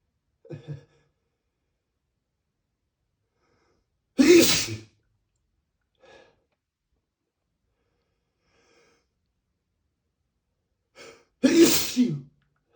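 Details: Two loud, explosive spray sneezes, each preceded by a short inward catch of breath, in a quiet room; sneeze.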